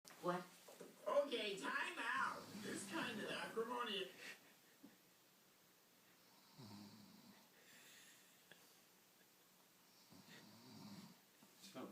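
A sleeping adult gives a loud rattling snore, then softer low snores on later breaths.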